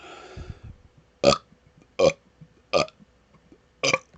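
Four short, sharp burps in quick succession after a few soft sounds. Rapid repeated burping.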